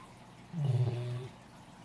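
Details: Female Great Dane dog: a single low, rattling breath sound lasting under a second. Snoring.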